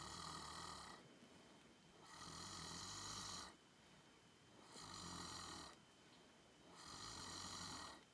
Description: An elderly cow named Cream snores a little while taking a nap on a warm, summer day.